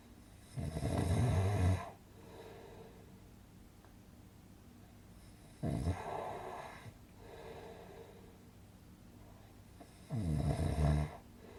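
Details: Relaxing snoring sound-effect recording for sleep: three loud, low, rattling inspiratory snores, each followed by a softer exhale, about 15 breaths a minute; snoring.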